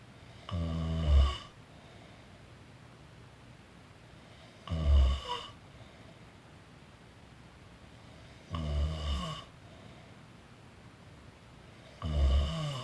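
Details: Person napping, snoring: four loud, low rattling snores on in-breaths, about 16 a minute, with quiet pauses between.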